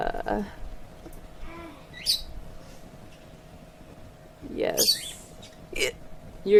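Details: Hiccups in an adult streaming live, who says they won't stop and mentions being drunk: brief, abrupt voiced catches among low murmuring speech, about three in six seconds.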